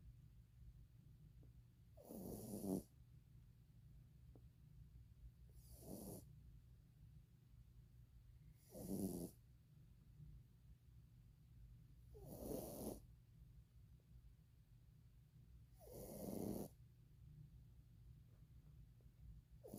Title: My dog snoring